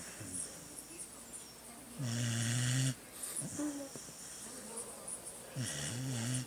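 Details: Loud, buzzing, somewhat whistling snores on each breath in, softer breaths out between, from a sleeping beagle; snoring.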